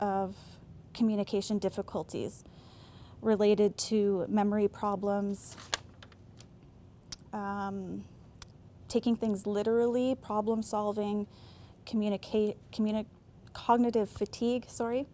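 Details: Adult woman speaking; normal speech.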